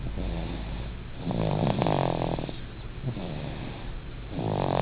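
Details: Sleeping 8-month-old baby snoring: soft, rattling, low-pitched snoring sounds on the breaths during sleep, with light room noise.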